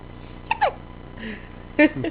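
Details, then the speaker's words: Infant with big hiccups, which also occurred sometimes twice a day before birth: two short, abrupt, squeaky catches of breath about a second apart. "Those are some big hiccups. Those are some big hiccups."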